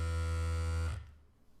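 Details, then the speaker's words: OMRON Pro Logic PL100 upper-arm blood pressure monitor, repeat measurement after two minutes' rest: steady buzzing hum of the pump inflating the cuff, stopping abruptly after about a second. "so we're going to press the button there'll be a short delay and then you'll hear the blood measure pressure machine start to compress air into the cuff"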